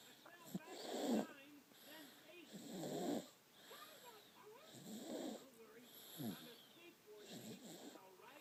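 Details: Snoring during sleep: rhythmic rumbling breaths, about one every two seconds, with a soft throaty flutter on each.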